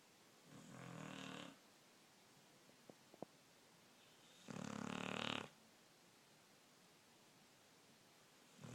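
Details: 12-year-old Wheaten Terrier asleep, snoring loudly: rasping snores about every four seconds with quiet pauses between; ordinary snoring.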